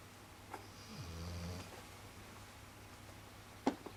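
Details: One short, soft, low rumbling breath noise, then a faint sharp click in a quiet room; a single light snore from a snorer the household had wrongly thought was someone else.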